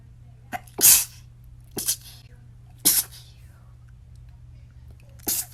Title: Snapchat sneezes💦